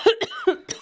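A quick series of three or four small, dry cough bursts from an adult woman.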